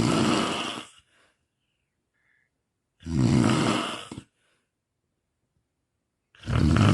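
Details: Loud, rough snores about a second long separated by silent pauses of two to three seconds, from a compilation recorded over four nights, presented as sleep apnea and snoring; heavy snoring.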